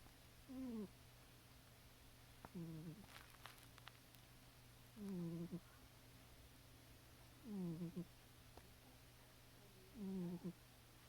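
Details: Cat named Caramel snoring loudly while asleep, with background static in the recording; snoring.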